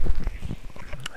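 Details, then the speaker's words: A single brief, heavily muffled cough, a few short low bursts held away from the microphone, from the speaker during spoken video-game commentary; ordinary cough. "Excuse me there if you guys could hear that cough."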